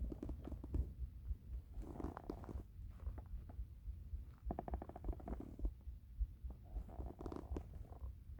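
Low gurgling and rumbling bursts come and go from the belly: ordinary stomach rumbling from hunger, a normal sign of gut movement.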